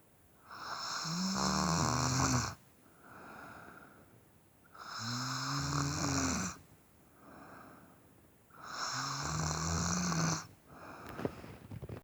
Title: Snore snore snore